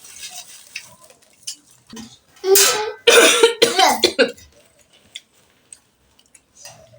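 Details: Adult parent faking a cough as a prank on her daughters: several harsh, forced cough bursts with kitchen noise and background music; feigned cough.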